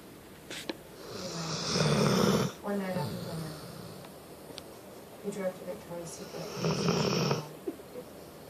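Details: Snoring from a sleeper said to snore with eyes open: two long, loud, rough snoring breaths with softer snorting sounds between them.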